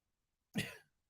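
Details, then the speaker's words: Adult man coughing repeatedly during a live stream, unable to stop; he says it sounds worse than it is. "Yes, I have a cough. You may notice. This sounds a lot worse than it is, right? It just can't stop coughing."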